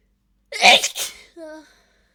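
A single sharp, hissing burst followed by a brief voiced tail: one stifled sneeze.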